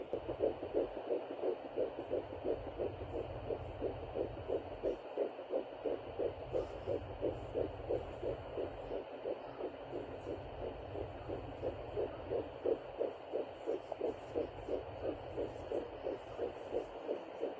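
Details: Fetal heartbeat on home Doppler at 9 weeks 4 days pregnant: fast, regular whooshing pulses, about 176 beats per minute.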